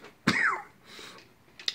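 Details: Lingering cough despite getting better: one harsh, throaty cough with a rough, slightly wet tail, then a short breath.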